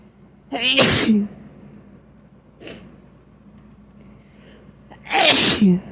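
Two forceful sneezes, each with a sharp intake of breath before the burst, and a small sniff between them; ordinary sneezing.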